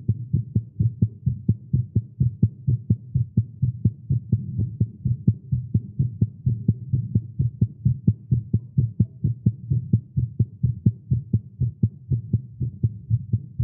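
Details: Male heartbeat recorded during exercise with caffeine, tagged irregular heartbeat: rapid, fairly regular low thumping at about 128 beats per minute; fast heartbeat.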